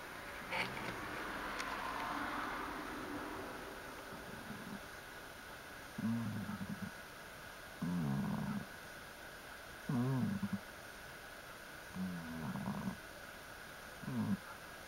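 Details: Snoring: short rumbling snores about every two seconds, roughly 30 a minute, over a steady room hiss.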